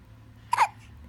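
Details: A 12-day-old newborn girl's single short, sharp hiccup over quiet room noise; normal newborn hiccups.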